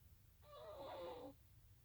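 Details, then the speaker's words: Dog critically ill at a veterinary clinic, with staff asking about CPR: a single rough, faintly whistling breath heard as a snore against quiet room noise; snoring. "I don't know if you can hear him snoring."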